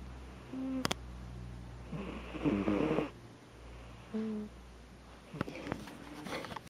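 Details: A sleeping kitten snoring loudly: snoring.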